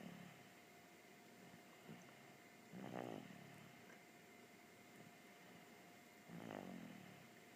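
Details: Soft snoring breaths, about two in eight seconds, over steady room hum; snoring.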